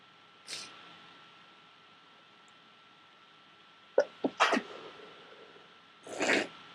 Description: Trying to stifle my sneezing, thick snot. Cold is still streaming.